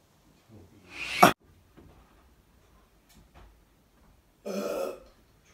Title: Burp compilation